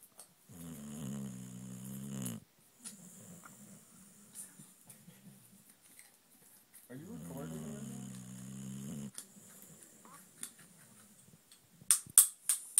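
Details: Very tired boxer dog sleeping on Christmas day: two long, low, rumbling snores with quiet breathing between, then a few sharp clicks.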